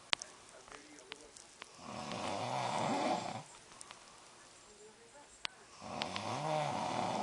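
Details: Adult man snoring in sleep at night: rough snoring on each inhalation, about 17 breaths a minute, with faint clicks and room noise between breaths.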